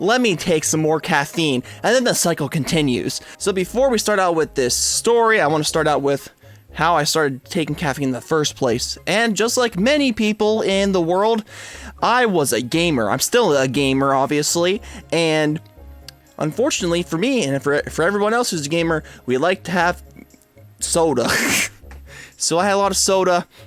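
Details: Adult male with a stutter and speech impediment since about second grade; he reports that quitting caffeine helped it by reducing his anxiety. Stuttering.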